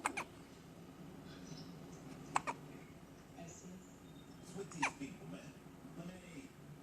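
Three brief sharp catches spread over several seconds against a quiet room, fitting hiccups.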